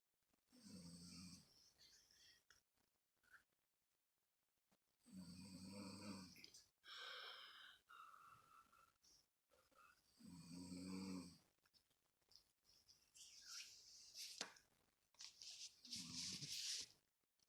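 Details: Rough, rattling snores recurring with the breaths, with hissy airflow between them. Snoring.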